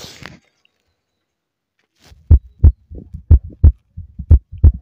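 Regular low lub-dub heartbeats through a stethoscope, about 60 a minute, with normal heart sounds.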